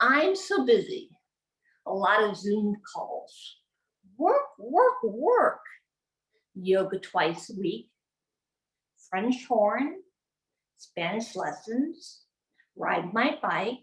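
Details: Adult woman, former congresswoman, with aphasia acquired from a gunshot wound to the head in January 2011, about 12 years into recovery; aphasia.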